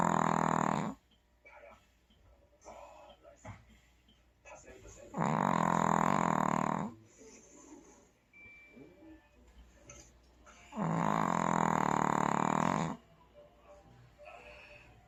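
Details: Chocolate the pet snoring in sleep: two long, loud, rumbling snores about six seconds apart, with quiet breathing and soft snuffles between. Snoring.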